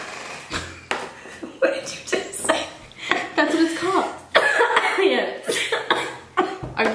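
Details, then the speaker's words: Adult woman with asthma coughing with wheezing: repeated harsh coughs with high, whistling breaths between them. "Are you okay? Is this your asthma? Yeah. Oh, did you hear that? Yeah, you're wheezing."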